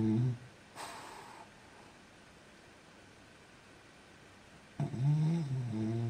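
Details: Young French Bulldog snoring while asleep, said to snore so loudly the walls shook: two snorting, vibrating snores with quiet breathing between; flat-faced dog snoring.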